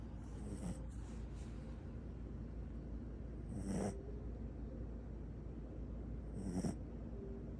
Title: Snore Mode ON 🫩